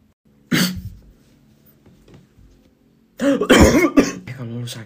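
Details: Coughing in a classroom: a single sharp cough, then a louder burst of coughing and throat clearing running into voiced sounds; cough.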